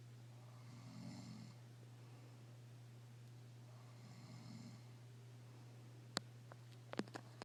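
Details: Two soft, low snores about three seconds apart over a steady hum, then a few sharp clicks; snoring.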